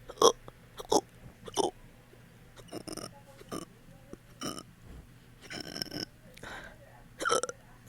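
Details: Fast, hiccup-like burps after eating, lasting about 30 minutes: a rapid run of roughly ten short burps in eight seconds, some louder and voiced, with quieter ones between.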